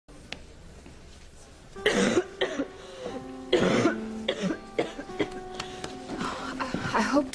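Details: Acted cough by an actress wearing a mask, followed by others offering her water; cough.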